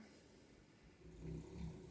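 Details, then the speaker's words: Low, rumbling snore from Mr. Bear, a sleeping dog, building over the second half against quiet room noise on a calm morning: snoring. "All 4 of us are just snoozing. I don't know if you can hear Mr. Bear snoring his head off down there."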